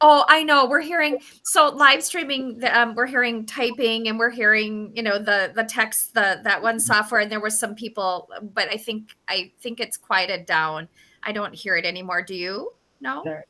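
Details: Adult woman speaking; conversational speech.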